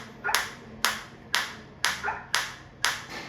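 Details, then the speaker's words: Biotronix focused shockwave applicator on the operator himself, intensity being raised step by step from minimum (levels 1, 2, 3), change audible and felt: sharp regular snapping pulses, about two per second. "आएंगे one by one two three आप देख सकते हैं change sound में भी और मेरे को फील में भी आ रहा है।"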